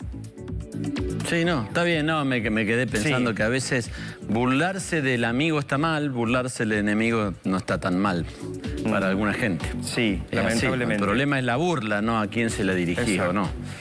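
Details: Adult male speaker; normal speech.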